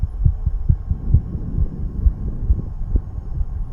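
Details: 34-year-old male under the influence of nicotine and "green stuff", in a self-experiment on heart rate: quick, low, muffled heart thumps at roughly 130 beats a minute over a steady hum; a visible fast heartbeat.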